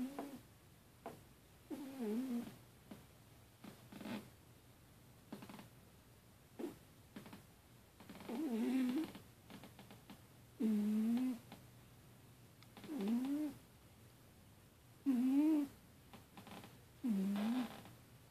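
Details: Soft, irregular snoring from a sleeping female cat, some with a faint whimpering vocal quality in a quiet room; owner suspects she may be having a nightmare.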